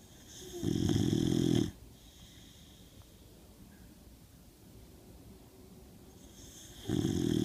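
Two loud, coarse buzzing snores on inhalation with a quiet stretch between them; snoring in a sleeping dog.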